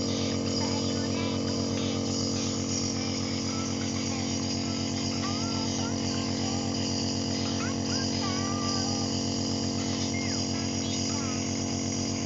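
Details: Continuous buzzing motor hum with a fast, even pulse and faint background voices: nebulizer compressor running during nebulizer therapy for a toddler with cough and cold.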